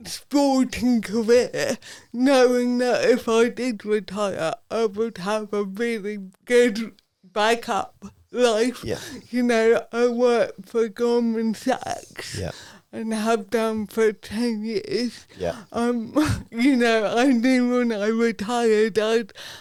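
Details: Adult woman, Paralympic dressage rider, with cerebral palsy from birth that affects her speech; real, not acted; dysarthria due to cerebral palsy.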